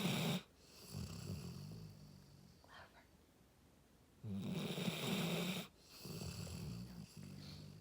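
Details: Loud rattling snores from a sleeping dog, two long inhaled snores with quieter breathing between them: very loud dog snoring.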